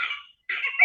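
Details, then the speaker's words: Child with pertussis (whooping cough): paroxysmal coughing with a brief high-pitched, squeaky inspiratory whoop between coughs. "esse que ela faz entre essa esse ruid Dinho esse ronquinho ajustamento o o guincho inspiratório esse guincho ele é muito comum nas crianças menores de 6 meses que dá bem uma agonia né"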